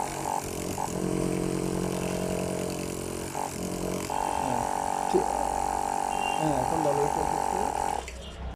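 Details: Life Care nebulizer compressor after repair (dirty piston cleaned with contact cleaner; previously not pumping air): steady droning hum with buzzing pulse, running with good airflow.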